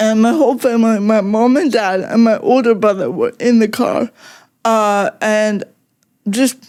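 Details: Adult woman with cerebral palsy since childhood; it mostly affects her speech and makes talking harder, and also affects her fine motor skills and her walking slightly, with no mobility aid used; real, unacted speech showing dysarthria (cerebral palsy).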